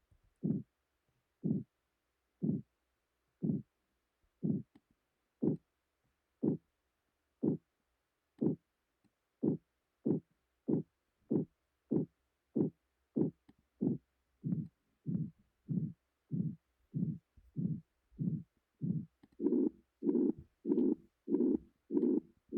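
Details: Simulated pulsatile tinnitus made by a sound-replication program: rhythmic low whooshing thumps that speed up and grow fuller, mimicking the intermittent sound only the sufferer hears.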